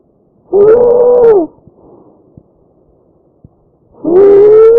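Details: Tracheal stridor from a real patient: a loud, high-pitched musical tone with each breath over the windpipe, a sign of narrowed upper airway.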